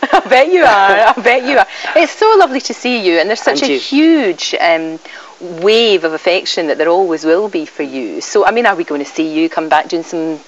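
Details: Adult female speaker; fluent conversational speech.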